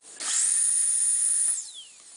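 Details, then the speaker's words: High, steady whine of a dental drill running then spinning down, used by a novice on a realistic robotic dental training patient (simulated) at a Tokyo dentistry university; dental drill. "all right well if radio presenting doesn't work out for me then at least I can become a dentist check this out for technique just drilling into the motor here"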